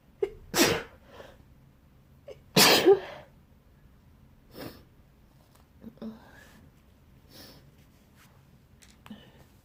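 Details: Person sneezing in bed after waking with a tickle in the nose: two loud, wet sneezes in quick succession, then softer sniffs and breaths; wet sneezing fit.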